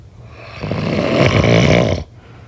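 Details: Snoring during sleep: a single long, coarse, rattling snore lasting under two seconds, then quiet.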